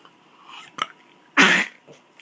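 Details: A faint short huff, then a single loud, harsh, explosive cough burst from a small animal, with quiet room noise.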